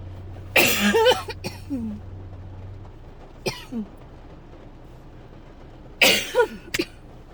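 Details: An adult who woke up coughing and hasn't stopped, and seems to be getting sick, gives repeated harsh, dry coughs in short clusters with no rattle or wet sound. A painful dry coughing fit.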